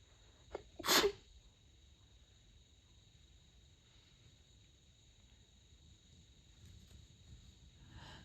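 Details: In the middle of the night, during a very long fit of 32 sneezes covered with a light blanket: a single sharp, partly stifled sneeze early on, then quiet room noise; sneezing.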